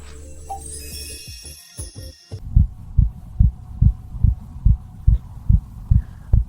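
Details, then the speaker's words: Simulated heartbeat in an animation on sleep: regular low thumps at about 140 a minute, fast rather than slow, after a brief chime and music, illustrating pulse slowing during sleep. "Пульс і дихання сповільнюються, серце відпочиває, тіло економить енергію."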